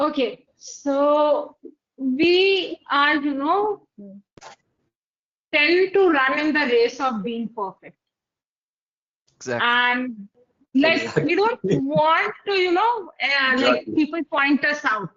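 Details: Adult woman speaking; typical speech.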